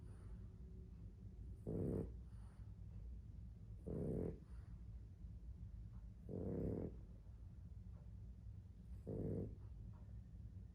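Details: Dog sleeping and snoring: slow, regular rumbling snores, about 24 a minute, over a low steady background hum.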